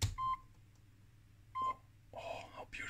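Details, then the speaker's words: Old Siemens Sirecust BS1 patient monitor (EKG/EEG) being powered up during a teardown test: two short, clear electronic beeps followed by a brief electronic sound, over quiet room hum; patient monitor power-up beeps. "so let's just power it up and see what happens"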